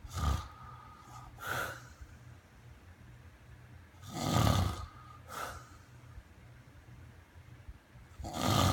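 Loud, rough, low rattling breaths, each followed by a softer breath, repeat about every four seconds, roughly 15 a minute: snoring.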